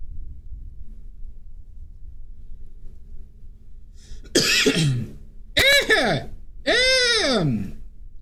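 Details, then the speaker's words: Cough from an adult during a live oil-painting stream, followed by "Excuse me. Oh, this cough." "Oh, this cough."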